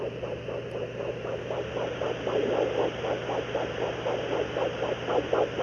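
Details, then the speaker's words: Fetal Doppler on the side of a pregnant dog's abdomen while she lies on her side: rapid, regular whooshing pulses at about 230–240 a minute, a puppy's fetal heartbeat. "That's a fetal heartbeat. Now, the farther along she gets, the heartbeats will get stronger. They sound more like a knocking noise is how I describe it."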